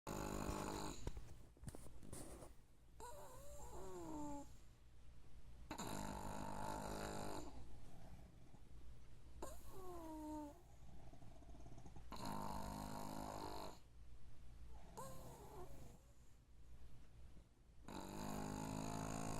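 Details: Sleeping pug snoring: harsh rattling snores with whistling squeaks, about 12 breaths per minute, typical of a flat-faced dog.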